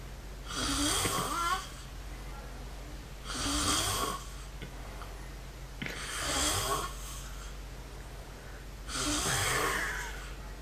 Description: This is my friend's funny snoring, like an animal!!,